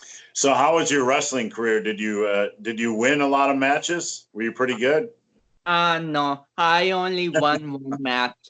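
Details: Adult male speaker, with a second voice answering; typical speech.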